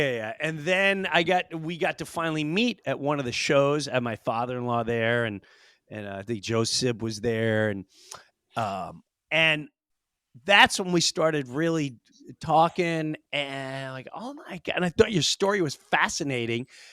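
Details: Adult man speaking; normal conversational speech.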